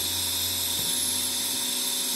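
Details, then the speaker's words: Oxymed portable piston nebulizer compressor switched on in a demo, with water instead of medicine in the cup: a steady, high-pitched mechanical whine with a low buzz underneath. "The mask will be connected here. This is total piston nebulizer."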